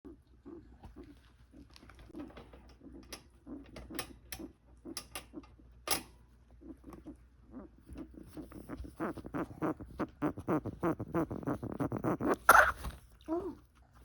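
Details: Guinea pig with respiratory blockage: a run of short, rapid hooting sounds that always clears with a sharp cough-like burst; respiratory hooting with clearing cough.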